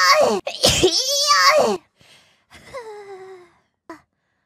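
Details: VTuber sneezing during an anime watchalong, remarking the anime is too cold: a loud, drawn-out vocal burst, then a quieter sneeze-like sound and a short squeak; sneezing.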